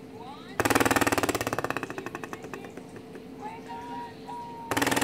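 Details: A cystic fibrosis patient does forceful exhalations through a Cornet oscillating PEP airway clearance device, cheeks kept in, giving a loud, rapidly fluttering buzz that fades as each breath empties; repeated about ten times, followed by huff coughing.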